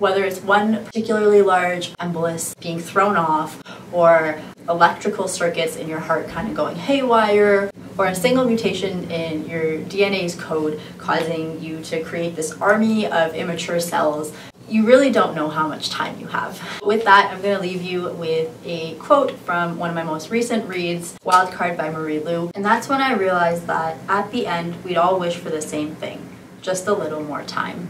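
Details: Adult speaker; normal speech.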